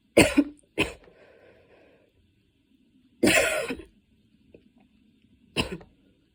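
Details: Coughing fit while studying, starting minor and worsening until intense, patient standing and changing positions to get comfortable: four harsh, forceful coughs in quick succession with breaths between.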